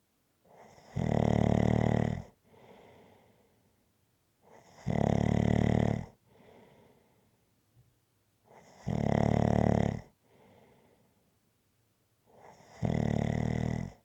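Loud, steady snores on each in-breath, each followed by a softer out-breath, about 17 breaths a minute: rhythmic snoring.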